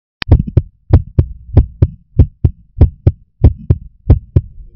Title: My Heart Beat